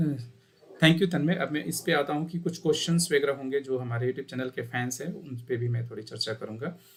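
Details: 17-year-old boy after voice therapy for puberphonia, who also has an untreated stammer; puberphonia after voice therapy.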